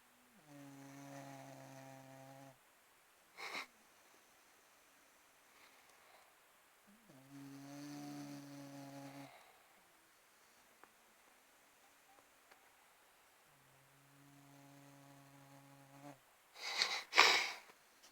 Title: Snoring